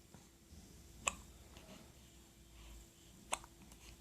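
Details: Hiccups: two sharp, brief hiccup clicks about two seconds apart over faint room noise.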